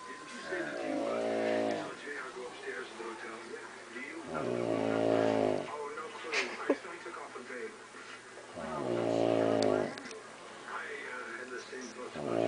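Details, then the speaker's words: Adult woman (mother) asleep at 1 a.m.: loud, buzzing, vibrating inhalations about every four seconds (~15 breaths/min) with quiet exhalations between; heavy snoring. "Okay, that was Mom snoring. It's 1 o'clock in the morning, Monday night, and I just want everybody to know what a bad snorer she is."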